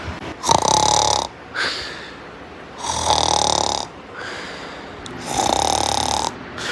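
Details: Loud, whistling, rasping snores alternating with breathy exhalations, about three snores in seven seconds; snoring.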